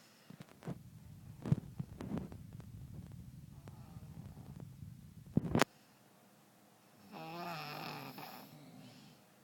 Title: Baby snoring